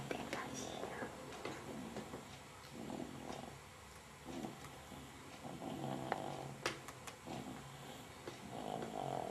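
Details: Snoring recorded 22 December 2007: repeated rough, rattling breaths during sleep against room noise.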